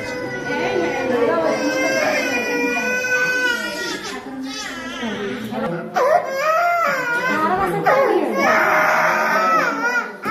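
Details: Infant crying after a painful injection: loud, sustained, high-pitched wails with sobbing catches between them, typical pain cry.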